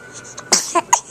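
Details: Soft quick baby hiccups followed by small, sharp infant sneezes; ordinary baby sneezing.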